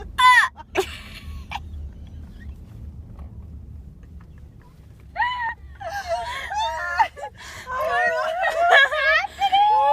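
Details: Infant, in a recording about hiccups: short high-pitched wails and whimpers, broken by a quiet stretch, then a fuller run of crying.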